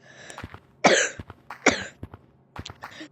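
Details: Person unable to stop coughing: several short, harsh coughs in quick succession with brief pauses between them, in a small room.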